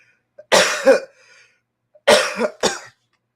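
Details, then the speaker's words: Adult with a sinus infection, dry throat and hoarse voice gives two short bouts of coughing, about three harsh bursts in all, in a quiet room. "[cough] As you can probably hear from my voice, I got a sinus infection. My voice, my throat's all dry."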